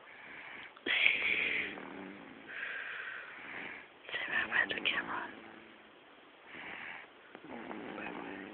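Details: Baby girl snoring while sleeping: repeated rough, raspy breathing in and out, about seven in eight seconds, a snoring pattern.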